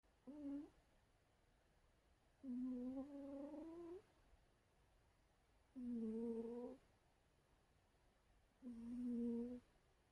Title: Cat snoring sounds